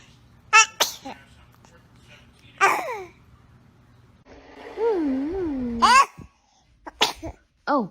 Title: Funny Babies SNEEZING 😅 Compilation 2021 - SOO Cute Baby SNEEZE Moments